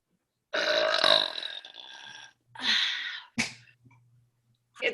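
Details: Deliberate burping in a two-girl burping contest: a long, loud, throaty belch followed by a shorter one and a brief burst.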